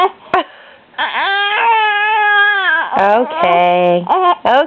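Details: Infant boy crying in wailing bursts because of hiccups, with a few short, sharp catches in the breath that fit hiccups; he gets hiccups several times a day.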